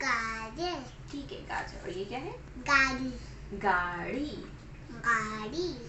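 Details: Child with moderately severe hearing impairment in oral placement therapy, practising target sounds in initial, medial and final word positions in a repeated word drill; deaf speech.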